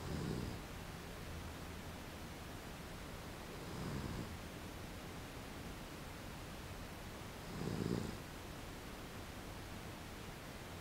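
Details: Soft, low rumbling snores about every four seconds, roughly 16 a minute, over steady background hiss; a sleeping dog snoring, owner asking whether it is a sign of illness.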